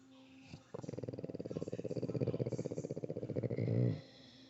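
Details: Boston terrier snoring: a loud, rapid fluttering snore on a single long breath, with the soft palate rattling.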